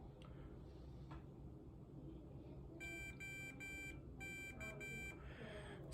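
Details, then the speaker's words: CADD pump in PCA mode: six short electronic power-on beeps in quick succession over room noise before the pump is ready. "so I just turned the pump on um and as you heard there was the six beeps that you could hear before um the pump uh was ready"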